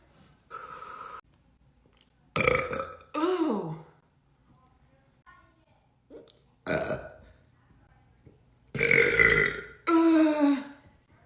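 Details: Several loud, drawn-out burps from a girl, some rising and falling in pitch, with quiet pauses between; repeated belching.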